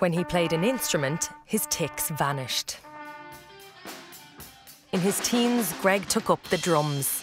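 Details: Adult male narrator; normal fluent speech.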